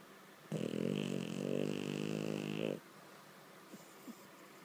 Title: Junebug, the Frenchie, snoring